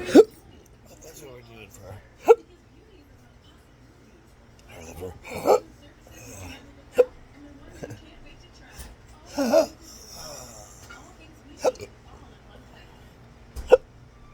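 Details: Person with hiccups and burping, described as a disabling rare medical condition: about eight sharp, abrupt hiccups at irregular intervals over fourteen seconds, roughly thirty a minute, quiet room noise between.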